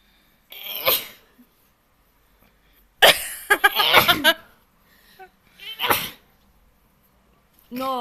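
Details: A dog sneezing in several sharp, hissing bursts in close succession, then a brief whine.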